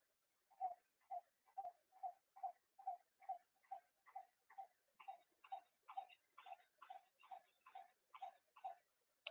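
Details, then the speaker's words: Simulated fetal heartbeat with monitor beeps from a childbirth and neonatal resuscitation training manikin, set from the instructor tablet: rapid regular whooshing pulses about 140 a minute. "So those are the fetal heart sound and the monitor beeps that you can also play it."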